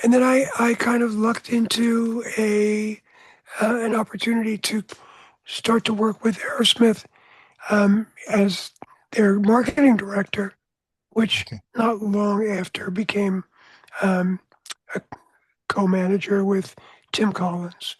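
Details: Adult man whose voice was altered by throat cancer treated in 1993 with surgery, radiation and two years of experimental chemotherapy; voice change after throat cancer treatment.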